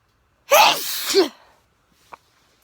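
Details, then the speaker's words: A single loud, explosive, unexpected adult sneeze outdoors in spring while about to go to bed, a sharp burst of air with a brief voiced tail, then quiet. "oh no i'm not snazzy i'm just spitting out my mouth because i unexpected sneeze"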